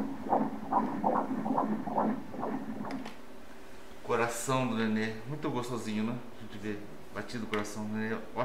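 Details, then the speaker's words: Fetal heartbeat on Doppler during an obstetric ultrasound at 20 weeks of pregnancy: rapid, regular whooshing at 145 beats per minute, a normal rate, then voices. "This baby's heart rate right now is one hundred and... forty-five beats per minute..."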